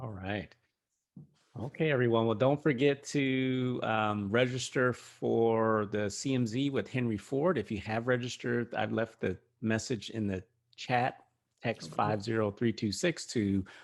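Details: Adult male speaker; normal speech.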